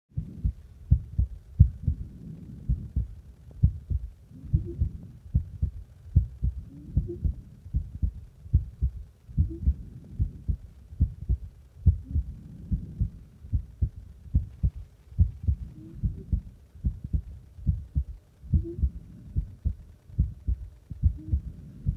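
Steady, low, muffled thumps of an adult heartbeat, fairly quick, recorded close against the chest.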